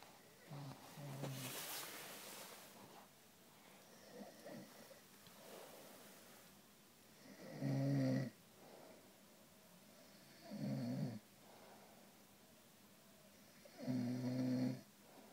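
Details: Three loud, low, rattling snores from a man, repeating about every three seconds over a quiet room: snoring.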